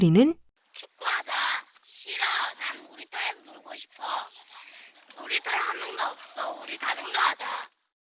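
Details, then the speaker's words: Cochlear implant simulation of speech, meant to show how implant users hear: speech keeps its rhythm but sounds hissy, crackly and pitchless, like a voice-changer. "사면 말소리를 음성변조한 것처럼 들리기도 하네요 청각 장애인들은 소리를 이렇게 듣고 있었구나"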